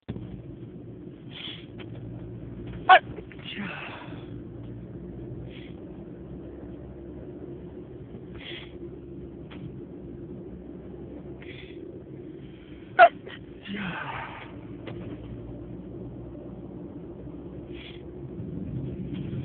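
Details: Two brief, sharp, muffled bursts about ten seconds apart over quiet room noise; stifled sneezes.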